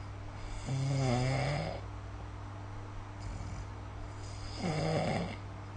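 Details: Snoring recorded with the SnoreLab app: two loud, low, rattling snores, each about a second long, separated by quiet breathing, over a steady low hum.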